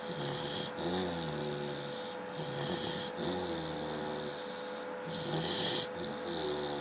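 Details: Rhythmic low rattling breaths with a nasal whistle roughly every two seconds from a sleeping Chow Chow dog, over a steady background hum: snoring.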